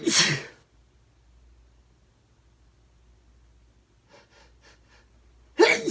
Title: Morning sneezes (Male) 🤧